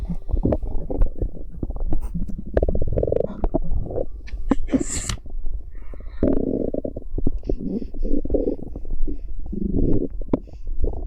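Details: Stomach noises recorded from a pregnant woman's abdomen: loud, continuous gurgling and rumbling with bubbling bursts; active bowel sounds.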